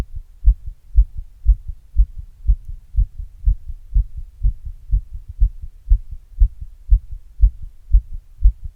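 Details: Recording of own heart sounds after exercise, captured with an earbud microphone and a glass for ASMR entertainment; normal heart sounds after exercise.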